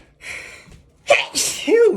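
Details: Single forceful, explosive sneeze with a voiced tail after a drawn-in breath, sneezing at work and followed by dizziness; sneezing.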